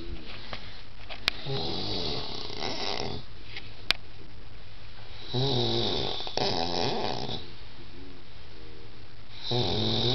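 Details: A friend snoring: loud, rattling snores that recur with each breath, with a fluttering buzz and brief pauses between them.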